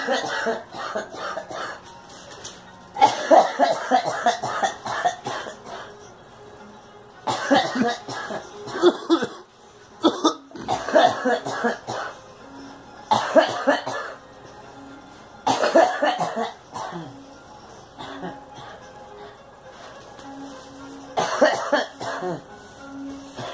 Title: Girl coughing